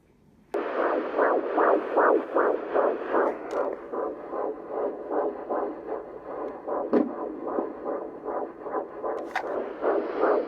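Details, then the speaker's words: Fetal heartbeat at 14 weeks of pregnancy, checked by an OB with a handheld Doppler: fast, regular whooshing pulses at about 150 beats a minute, within normal range. "super excited had no idea I was gonna hear the baby's heartbeat again today I am currently 14 weeks pregnant"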